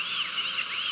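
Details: Dental drill splitting an infected wisdom tooth into two pieces during extraction, patient possibly given nitrous oxide: steady high-pitched whine running continuously.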